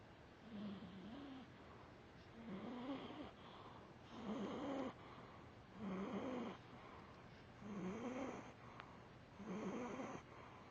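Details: Loud, steady rumbling snoring at about 34 breaths a minute from a foster cat sleeping so soundly it would not wake, nostrils visibly flaring with each snore.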